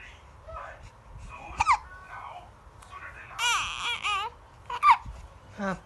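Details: Infant with hiccups: short, fussy cries and whimpers in a quiet room, with sharp catches between them; infant cry.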